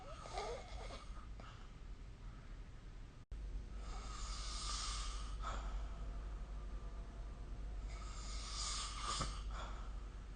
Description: This is the sound of snoring recorded using SnoreLab : Record Your Snoring